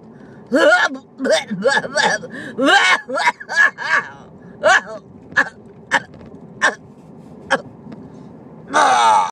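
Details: Cough from an adult woman during pneumonia, so severe she could hardly breathe: a rapid run of about a dozen harsh, voiced coughs in a long fit.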